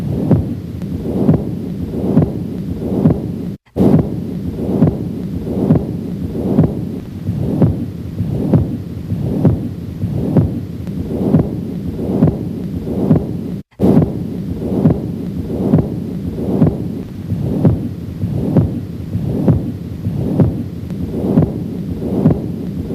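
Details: Heart auscultation at the aortic area: regular heartbeat near 68 a minute with a continuous machinery-like murmur, typical of patent ductus arteriosus; background music.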